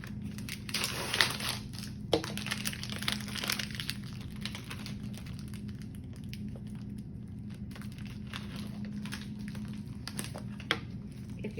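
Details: Irregular crinkling and tearing of plastic and paper wrappers as sterile supply packs are opened onto a sterile field while preparing for neonatal umbilical venous catheter placement, over a steady low room hum.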